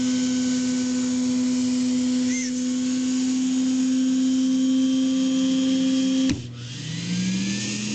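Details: Vintage EMESCO No. 90N dental drill running: steady electric motor hum, then an abrupt clunk and a lower, shifting whine as it changes speed.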